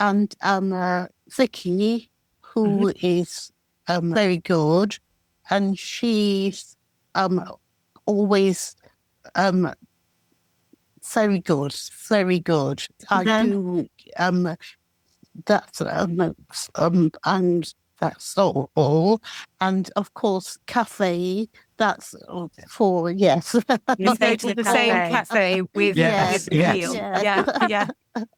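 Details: Expressive aphasia after a stroke in December 2018 in an adult woman who relearned speech in rehabilitation; she struggles to express ideas and complex sentences, but simple sentences are okay and comprehension is less affected.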